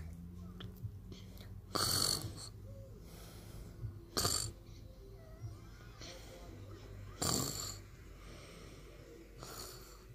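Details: Loud, harsh snores with a whistling edge every two to three seconds, quieter breathing and faint background noise between; snoring.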